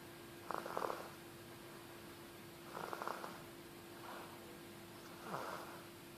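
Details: Gentle snoring from a sleeping chick: soft, rhythmic, fluttering breaths about one every two seconds over a steady background hum.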